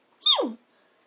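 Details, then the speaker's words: Simple vocal tic in a person diagnosed with Tourette syndrome a couple of months earlier: a single sudden, high-pitched, falling squeak-like cry, set off by talking about their tics. "so yeah talking about my tics woohoo sets them off same with people mentioning um so yeah it's not that fun um"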